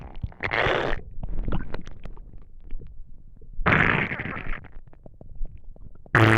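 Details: Empty, hungry stomach rumbling after not eating for a day: borborygmi.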